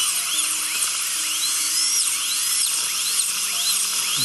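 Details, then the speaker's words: Wisdom tooth extraction for infected left third molars: loud steady high-pitched dental drill whine with plenty of water spray hiss, vibration, sectioning the tooth for removal. "there's the hand if it bothers you or hurts at all but look the vibration yes plenty of water spray"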